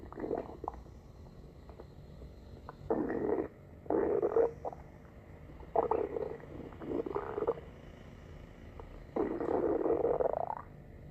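Intermittent gurgling, rumbling bursts of varying length over a low background hiss, typical of stomach growling.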